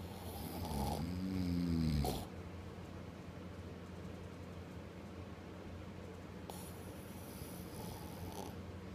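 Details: One loud, rattling snore on a breath, then a steady low room hum with faint breathing noise: snoring.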